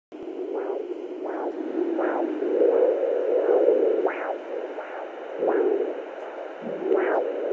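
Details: Fetal heartbeat at 11 weeks 2 days of pregnancy, picked up by Doppler: muffled, repeating whooshing pulses over a steady hiss.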